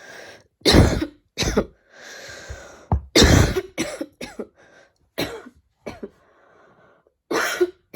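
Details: Persistent, annoying cough while studying: repeated harsh coughs, about ten over eight seconds, with throat clearing and breaths between.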